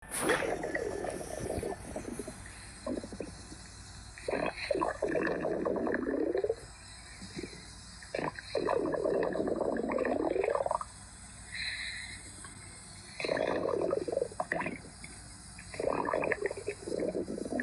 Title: Duolingo stomach growls